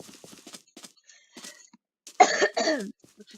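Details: A sick gamer coughs while recording: two loud, harsh coughs in quick succession after faint background sounds.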